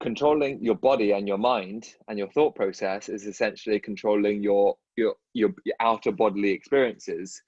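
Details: Adult male dentist who stutters, with a multilingual background, speaking in a podcast conversation; audible word repetitions; stuttering.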